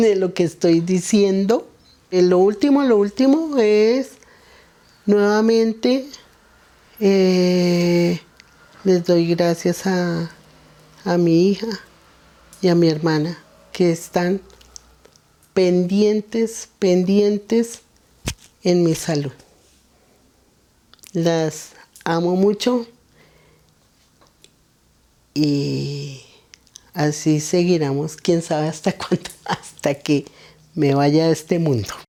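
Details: 71-year-old woman with Broca's (expressive) aphasia after a stroke caused by antiphospholipid syndrome; comprehension preserved, with word-finding difficulty (anomia); Broca's aphasia.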